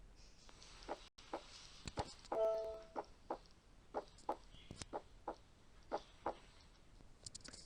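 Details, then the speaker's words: Normal S1 and S2 heart sounds, regular lub-dub at about 85 beats a minute, played as the first of three teaching examples, followed by accentuated S2 and then decreased (weak) S2. "هنسمع دلوقتي، نسمع على نفسنا، وهسمعكم برضو النورمال S1 و S2، وهنسمع الاكسنتويتد S2 في المثال اللي بعده، والمثال الاخير هنسمع الديكريزد او الويك S2."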